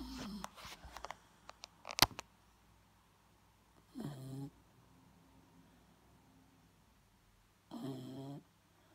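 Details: Dog snoring, reportedly even while awake: after clicks and rustling, two short buzzing snores about four seconds apart; snoring.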